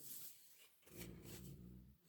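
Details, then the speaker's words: A dog snoring: a low, rumbling, rough vibrating sound during breathing in a quiet room. "Alors, vous inquiétez pas si vous entendez ronfler, c'est Sakura."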